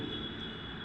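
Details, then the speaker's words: Steady mechanical hum with a constant high whine from an ICU ventilator's air compressor just switched on, while troubleshooting a low air pressure problem. "तो मैं अभी compressor on कर दिया है मैंने"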